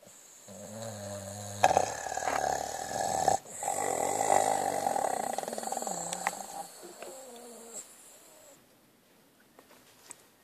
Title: Snoring Dog // Perro roncador